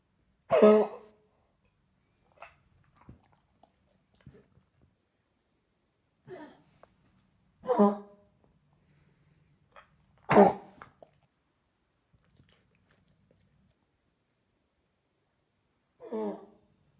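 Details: Vizsla dog with bronchitis after a cold or flu, now on antibiotics: about five short, harsh coughing bursts with soft gagging sounds between them.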